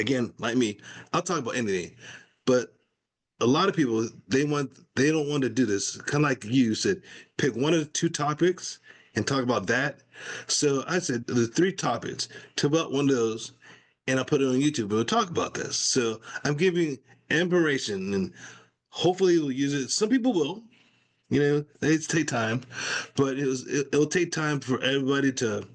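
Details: Adult man with aphasia after a stroke, in ongoing recovery, speaking in conversation; aphasia.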